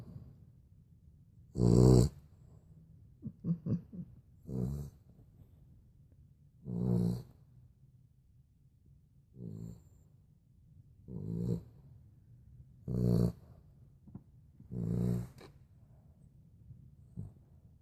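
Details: Sleeping dog snoring in steady, low, rattling bursts roughly every two seconds.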